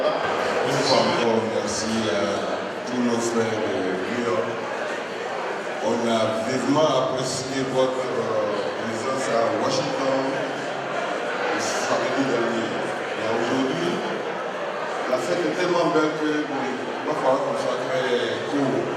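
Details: Adult man speaking French; normal speech.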